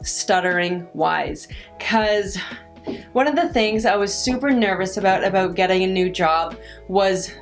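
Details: Adult woman who stutters; she says her stutter varies with her stress and anxiety in the moment; stuttering.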